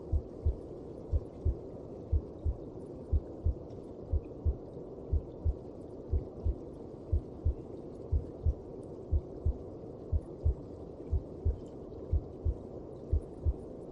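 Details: Heartbeat heard inside the mother's belly (womb): regular paired soft thumps at about 60 beats a minute under a low muffled whoosh.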